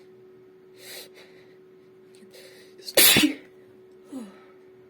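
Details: Woman deliberately trying to make herself sneeze while chatting, her nose very itchy: a single sharp sneeze after brief breathy intakes, with a steady computer hum in the room.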